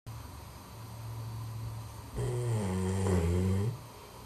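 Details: Dog snoring, with owner wondering about nasal strips for dogs: low steady rumbling breath noise, louder for about a second and a half near the end.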